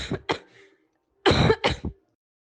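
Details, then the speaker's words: Normal cough from a healthy individual without COVID-19: two short clusters of dry cough bursts, about five coughs in all. "for example here is a cough of a healthy individual"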